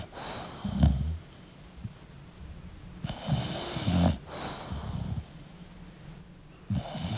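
Irregular low, rattling snorts and snores from a sleeping flat-faced dog, about 19 a minute, with soft breathing between.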